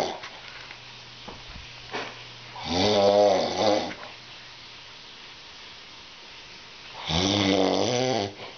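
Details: Sleeping dog snoring: two loud, fluttering rattles on breathing in, about four seconds apart, in a quiet room.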